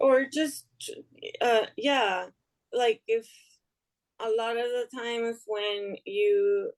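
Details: Aphasia in a woman after an ischemic stroke in March 2020 that left her unable to speak; improved but still recovering, heard in conversational speech.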